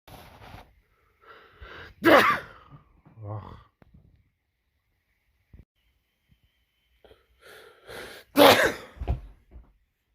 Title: World Loudest Sneezes winter edition